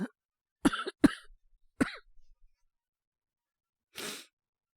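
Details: Three short wet coughs and a breathy exhale, acted by a male voice actor portraying a boyfriend with a cold and high fever waking at night; simulated cough.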